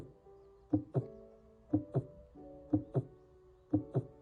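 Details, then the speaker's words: Normal reference heart sounds: a steady lub-dub at about 60 beats per minute with clear first and second heart sounds, given as the baseline for comparison with abnormal heart sounds. "let's go over some abnormal heart sounds together first things first we need something to compare it to so this is your"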